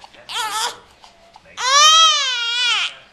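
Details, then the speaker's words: Baby girl, already fed and changed, crying: a short fussy cry, then a long loud wailing cry; ordinary infant crying. "what her crying baby's cry what are you crying about what you crying for"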